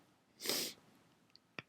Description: didn't have a lot of time, but i had a sneeze teasing me that i had to induce out.